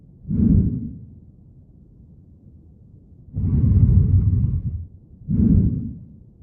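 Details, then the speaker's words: Simulated breath sounds from critical care auscultation teaching: wheezes, a faint musical, prolonged, usually high-pitched whistling tone, mostly expiratory and longest on breathing out, reflecting distal airway obstruction. "Then the wheezes, which is musical, prolonged, and usually high-pitched. Most commonly expiratory. Usually reflects distal airway obstruction."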